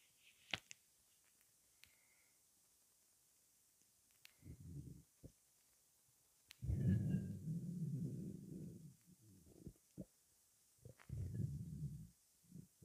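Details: Quiet room with low gurgling and rumbling bursts from the belly after 23 hours without food: hunger-related stomach rumbling (borborygmi), a normal bowel sound.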